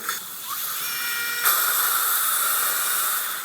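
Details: Dental implant drill: steady high-pitched whine with hiss during live OneGuide guided implant surgery in 2017 for missing maxillary molars (sites #15, #16, #17, #25, #26, #27), using a surgical template to control the drills.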